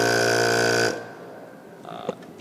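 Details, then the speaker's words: Portable suction unit used in an EMT suctioning-technique demonstration, switched on: a loud, steady mechanical hum that stops abruptly when switched off. "there is a power source which consists mainly of an on and off switch and turned on is quite loud"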